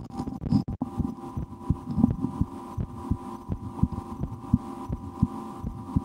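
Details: Own heartbeat heard through a stethoscope in an ASMR recording, with breath-holding and efforts to speed the heart, after a lunch with loud digestion: soft low thumps under steady hum and rustle; normal heart sounds.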